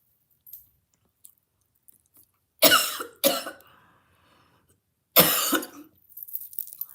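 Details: Coughing fit from food going down the wrong way while eating and talking: three loud, harsh coughs in quick succession.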